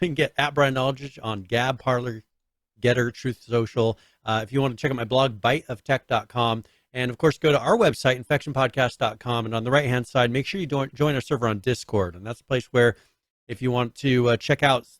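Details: Adult male speaker; Ordinary speech.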